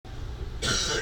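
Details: Adult man gives a single harsh cough burst, cut off at the end, over a low background rumble; a cough.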